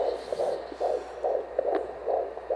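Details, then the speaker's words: Recording of the speaker's unborn son's heartbeat on Doppler: rapid whooshing pulses, roughly 140 to 150 a minute, over a low hum, a fetal heartbeat. "I love to hear his heartbeat like his heartbeat is the favorite my favorite noise like I love to hear it"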